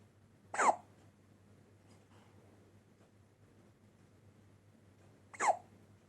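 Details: Baby hiccups: two short, sharp hiccup sounds about five seconds apart from an infant, with quiet room hum between.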